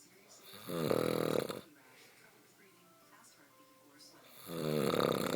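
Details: Two loud, rattling snores on breaths in from an adult man, separated by a few seconds of quiet breathing; snoring.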